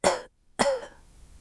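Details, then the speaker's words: Adult deliberately imitates a cough (two short, sharp bursts) as a demonstration in an English lesson, illustrating a patient with cough and fever: cough. "Exactly. That sound is a cough. You can have a cough."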